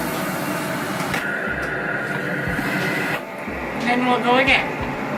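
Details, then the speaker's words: Cough assist machine used via mouthpiece by a person with SMA, set on auto (inhale, exhale, pause): steady rush of air pushed in, then sharp reversal as air is pulled out to clear secretions; mechanical insufflation-exsufflation. "I have mine on auto so it does breath in and breath out and a pause and you can set the times to whatever you're comfortable with as well"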